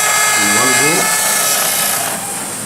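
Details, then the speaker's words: Loud steady high-pitched whine with slight pitch shifts from a Bioner implant system yellow drill, used with pumping motions to finish the osteotomy for a 4 mm dental implant in a dummy training mandible; simulated, not a patient. "Now we go to a yellow color drill, which is for a 4 mm implant. That is what we are placing. Again, pumping motions."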